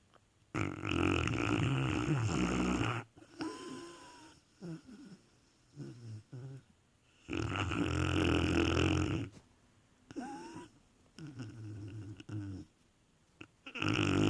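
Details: Dog snoring in heavy sleep: loud, long rattling snores on each breath in, separated by quieter snuffling and brief whistly breaths; regular snoring.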